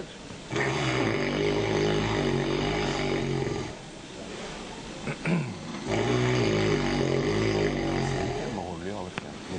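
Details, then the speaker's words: Snorer recorded asleep, said to have snored for 30 years: heavy, loud, very regular, rhythmic rumbling snores with quieter pauses between breaths, sustained until morning; snoring, discussed alongside sleep apnea. "böyle çok düzgün çok ritmik çok güzel bir horlama ve yorulmadan sabaha kadar yapıyor"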